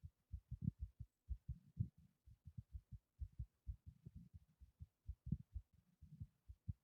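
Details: Heartbeat after exertion from lifting a heavy object: rapid, strong, regular lub-dub at roughly 120 or more beats per minute.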